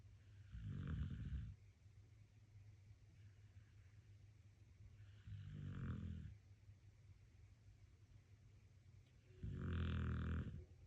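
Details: Dog snoring softly while sleeping soundly: three low, rattling snores on inhalation, about every four to five seconds (roughly 14 breaths a minute).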